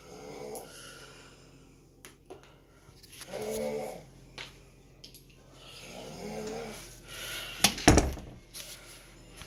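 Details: Snoring in a sleeping dog: soft, irregular snoring breaths with a few sharper snorts and light room noise.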